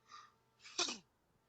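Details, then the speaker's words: A speaker on a podcast gives a short intake of breath followed by a single sharp, explosive burst, sounding almost like a sneeze or gasp; one cough. "What was that noise? That was me coughing. For a minute, I thought it was like, I'm like some weird gasp or something."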